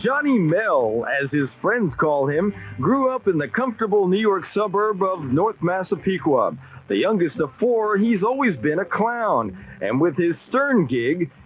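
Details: Adult male narrator; normal fluent speech.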